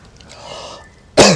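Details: Acted cough by an adult in a comedy skit about cough season: a quiet, faintly breathy pause, then one sudden loud cough burst.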